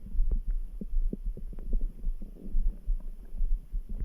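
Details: Low gurgling stomach rumbles over steady dull heartbeat thumps near 70 a minute, with a faint hum; ordinary bowel sounds.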